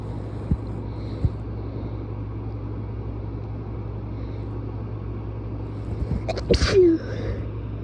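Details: Strong sneezes that were followed by a bloody nose: a couple of sharp, explosive sneeze bursts near the end, over a steady engine rumble.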